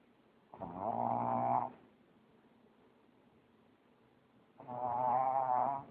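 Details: Pug snoring: two loud, rattling, buzzy breaths a few seconds apart, each lasting about a second; snoring from a flat-faced dog.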